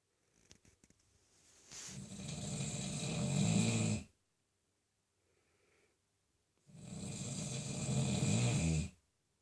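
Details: A man who claims he wasn't even asleep gives two long, deep, rattling snores on inhalation, about 13 a minute, with silent pauses between; snoring.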